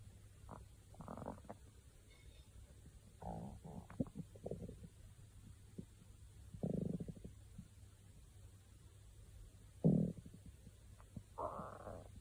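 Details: Several short gurgling rumbles from the abdomen over a low steady background hum; ordinary stomach growling (borborygmi).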